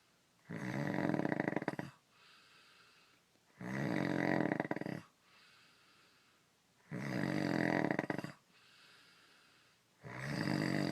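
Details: Adult man (husband) asleep: loud, rough snores on each in-breath with quieter out-breaths between, about 18 breaths a minute; typical snoring.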